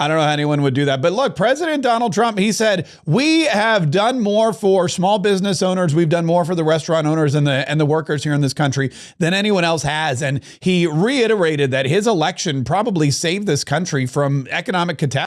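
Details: Adult male speaker; Normal speech.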